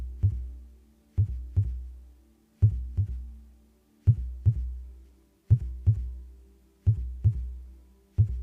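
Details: Normal heartbeat: steady, deep lub-dub heart sounds at about 42 beats a minute, regular rhythm, with no talking.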